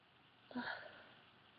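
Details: Female with induced sneezing, recorded by webcam: a single forceful sneeze with a short voiced burst in a quiet room; sneeze.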